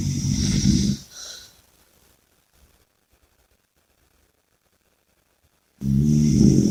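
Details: A rattling snore ends with a short breath out, then a silent pause of several seconds before the next loud snore; snoring with heavy breathing.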